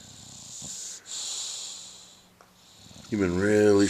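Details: 10-year-old bulldog snoring loudly while asleep: long hissing, wheezy breaths with a snorting catch, then a voiced groan as he wakes; owner says he sometimes wakes himself snoring.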